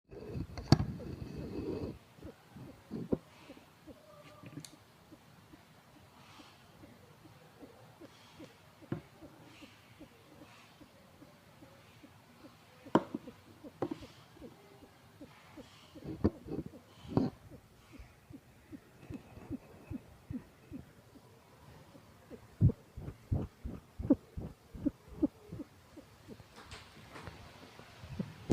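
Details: Rescued cat, recently dewormed after vomiting worms, now looking unwell: noisy, wheezy breathing with faint whistling and rattling on each breath over quiet room noise; wheezing.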